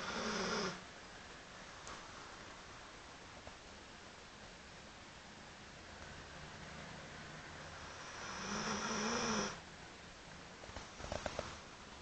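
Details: 13-year-old hound dog asleep on the floor at the owner's feet, cuddling a teddy bear: two loud rasping snores several seconds apart over quiet room hiss, a few faint clicks near the end; snoring.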